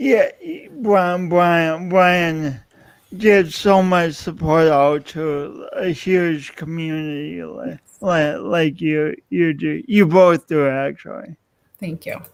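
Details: Man describing his own self-described speech impediment, type not named; stutter-like repetitions; speech impediment.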